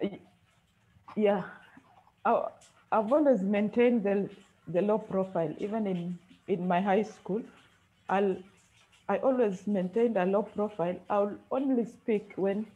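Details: Male university student who has stammered since birth, first noticed when reading in class three; speech therapist describes blocks, prolongations and repetitions; stuttering.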